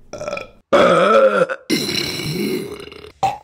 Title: Burping Compilation October 2023 #1 | RBC